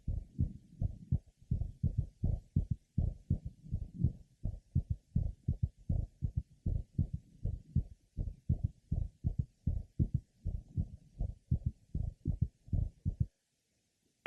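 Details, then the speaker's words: Pregnant woman referred with a mitral valve prolapse diagnosis but no prolapse; at the apex, a soft early diastolic normal physiological third heart sound, probably mistaken for a systolic click, plus an innocent systolic murmur. "Apex note innocent systolic murmur and the typical normal third heart sound"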